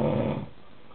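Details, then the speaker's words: Adult recorded snoring by his fiancée: a single short, rasping, throaty "Darth Vader" snore that fades out within half a second; snoring. "this is the Darth Vader noise Darth [Music] Vader fully right I've got a snore but you know what she's awesome"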